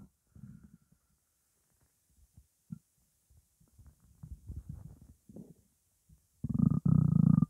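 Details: Hunger stomach growling (borborygmi) during a 12-minute recording of an empty stomach holding only water: low gurgling, bubbling rumbles building to a loud drawn-out growl at the end.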